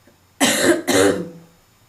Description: Barking smokers cough